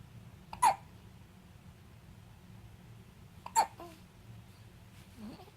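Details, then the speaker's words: Infant lying on a playmat with one of many frequent bouts of big hiccups: two sharp, brief hiccups about three seconds apart, then a faint soft vocal sound. "here is clay with his i don't know 500th set of hiccups he's gonna think that's the way to live those are big hiccups yeah those are big hiccups"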